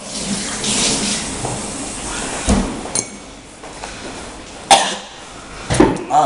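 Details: Teenager attempting the cinnamon challenge, trying to cough after taking cinnamon, the cough failing to come out.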